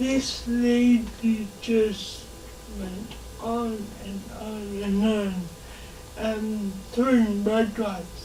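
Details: Dysarthria in a 27-year-old woman who has lived all her life with cerebral palsy, in a real, unscripted conversation.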